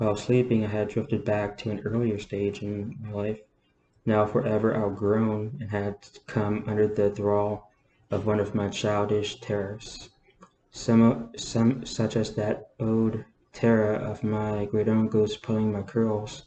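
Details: Adult man with a self-reported stutter, reading a novel aloud; he says he stutters less when reading. Word and phrase repetitions heard. Stuttering.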